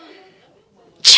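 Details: Sick toddler with a runny nose who is afraid of nose drops: faint quiet voice, then one sudden loud hissing burst at the end, an acted sneeze.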